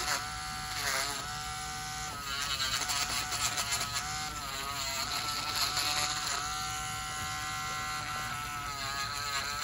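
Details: Continuous high-pitched whirring buzz rising and dipping with load as a podiatry burr reduces thickened toenails of a man on dialysis about a year with suspected severe fungal infection; podiatric nail drill.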